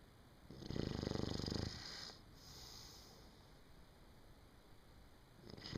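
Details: A person snoring in sleep: one rattling, pulsing snore on an in-breath, then a quieter breath out, with faint room noise.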